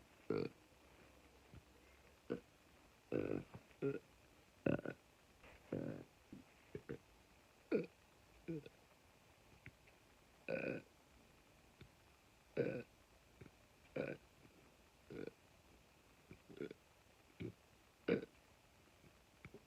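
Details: Burping on command: a long series of short, quiet, belch-like grunts, about twenty over twenty seconds.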